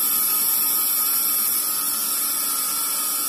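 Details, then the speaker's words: Steady high-pitched electric hum of a dental endomotor running a Gates Glidden drill at medium speed for coronal flaring of the canal during root canal treatment. "so now my gate grid drill is moving at a medium speed now how I do the coronal flaring"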